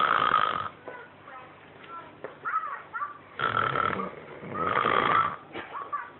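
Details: Person asleep while meant to be babysitting, children's TV in background: loud, rough, gurgling snores with uneven snorts and pauses; irregular snoring.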